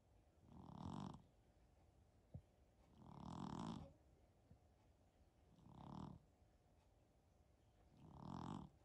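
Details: Persian cat napping: slow, deep, rumbling snores about every 2.5 seconds, near 24 a minute, much like a person's; snoring.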